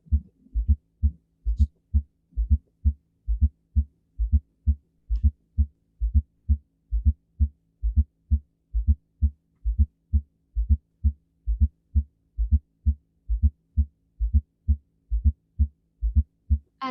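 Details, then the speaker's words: Fourth heart sound (S4, atrial gallop): regular low heart sounds about 66/min with an extra soft sound just before S1, closer to the first than the second heart sound; abnormal, attributed to diastolic heart failure/ventricular hypertrophy. "now compare it with this one which is the fourth heart sound right this is an atrial gallop it's very different from the s3 because here the additional sun is closer to the first hot sun rather than the second hot sun"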